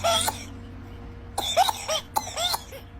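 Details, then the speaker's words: Three short, sharp dry coughs without rattle or mucus, an irritative cough; in a video on children's cough, described as a sign of viral infection or allergy. "उसमें number एक होता है dry cough. इसमें ज्यादा irritation होता है लेकिन mucus नहीं होता। यह वायरल इनफेक्शन या एलर्जी का साइन हो सकता है।"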